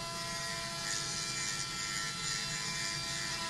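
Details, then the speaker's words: 21-year-old male spur-thighed tortoise, about 100 lb, at annual zoo exam: veterinary student uses a Dremel rotary tool to trim him; steady high buzzing whine of grinding with room noise. "you can see one of our fourth year students from UC Davis is using a dremel to trim up some of"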